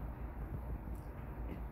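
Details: Home nebulizer compressor switched on with tubing attached, running with a steady low mechanical hum and rumble while delivering medication.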